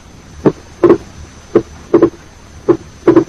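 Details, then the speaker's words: Wide, persistent but not fixed splitting of S2 in right bundle branch block over the pulmonary area: A2 and P2 widely separated, the split varying with respiration but not fusing into a single sound on expiration. "In right bundle branch block, the split is wide, persistent, but is not fixed. Listen carefully and concentrate on the second heart sound, where the A2 and P2 are widely separated."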